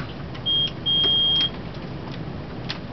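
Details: Two steady high-pitched electronic tones, one short and one longer, over faint room noise: an IV infusion pump alarm while the pump runs and the tubing is taken out of the cassette and lowered below patient level to check for occlusion in an LPN IV therapy demonstration.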